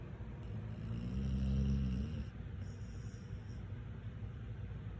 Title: Snoring dog with tongue hanging out of her mouth